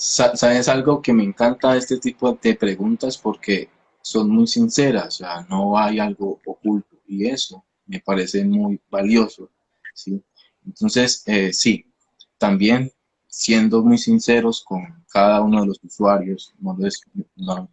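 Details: Stuttering in a 29-year-old man, himself a speech-language pathologist, with onset at age 13; he believes it was emotionally triggered around a hospitalization, with a genetic component since his father also stutters; finding: stuttering.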